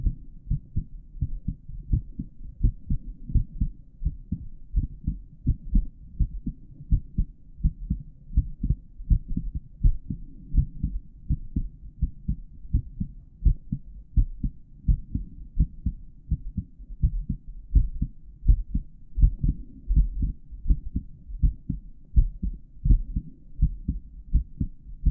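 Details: Real recording of an adult male's normal heartbeat for an auscultation tutorial on the heart valve areas, captured by a microphone inside the stethoscope earpieces: steady low heart thumps at about 83 beats a minute.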